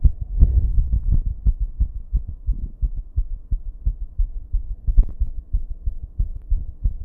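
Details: Heartbeat going from racing to irregular with heavy breathing, recorded in a bathroom: fast, dull low thumps with uneven spacing over a steady background buzz; rapid irregular heartbeat.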